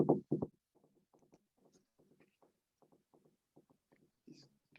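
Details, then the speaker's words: S3 gallop rhythm in heart failure: faint, quick low heart sounds in triplet-like groups, like a galloping horse, from an added third heart sound. "Ese es el ritmo de galope. Es un ruido como si fuera galopando un caballo. Por eso lo comparan y se le llama ritmo de galope."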